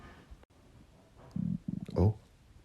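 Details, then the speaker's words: Stomach growling (borborygmi) from a male, recorded after his stomach had been growling for a while; a brief, faintly audible rumbling gurgle. "I know you guys heard that just a little bit. What's going on? There's an alien in my belly."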